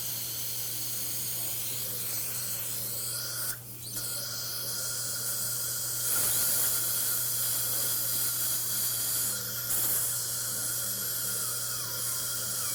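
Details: Constant high-pitched whine with airy hiss and low hum: dental drill shaping a filling.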